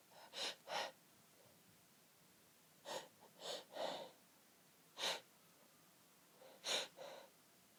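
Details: Repeated short gasping breaths and stifled, held-back sneeze bursts in pairs and triplets, quiet and muffled against a soft hiss, nose pinched, while holding back a sneezing fit; suppressed sneezing.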